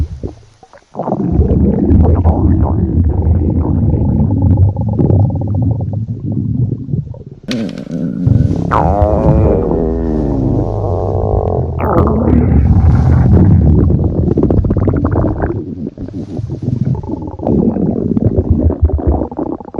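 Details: Stomach growling (borborygmi): loud, continuous low gurgling and rumbling with squeaky, shifting tones.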